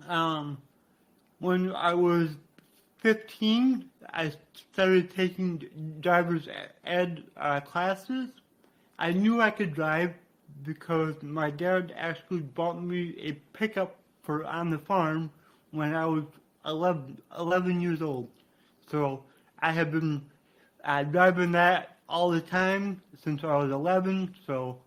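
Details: Adult man with cerebral palsy, which he attributes to brain damage after being born without heartbeat or breathing and being revived; he describes a resulting speech impediment; dysarthria (cerebral palsy).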